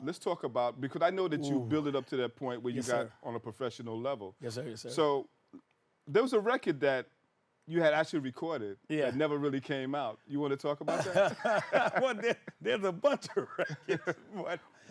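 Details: Adult man speaking; normal voice.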